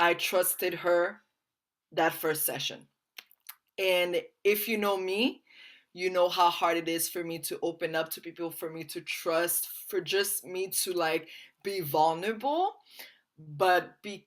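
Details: Stuttering with blocks and prolongations in a person currently receiving speech therapy.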